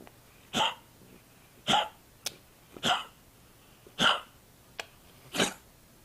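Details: During a nap, with a cough also noted, short sharp spasmodic bursts repeat about once a second in an irregular rhythm; hiccups.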